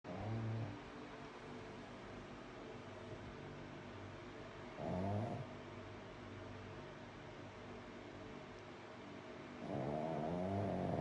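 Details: Sleeping pet, very comfortable, snoring loudly at night: loud, low, buzzing snores on each breath, roughly every five seconds, over steady room noise; heavy snoring.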